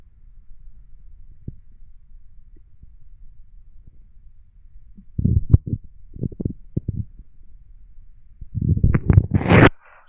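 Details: Bowel sounds (borborygmi) recorded while lying down: low gurgling, bubbling rumbles in two clusters over a quiet hum, ending in a higher squeaky gurgle.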